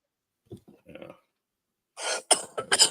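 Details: Smoker, who says his doctor warned him and that he keeps trying to quit, has a coughing jag of about 20 seconds: faint throat noises, then harsh, rapid hacking coughs; smoker's cough (coughing fit).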